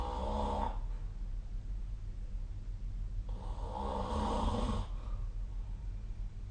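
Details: Recorded with a snoring app during sleep: two rasping snores about three and a half seconds apart over a low background rumble, ordinary sleep snoring.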